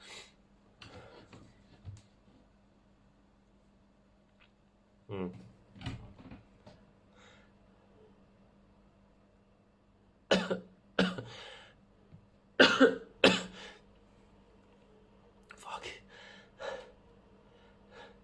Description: Unfortunately not as many sneezes as last time.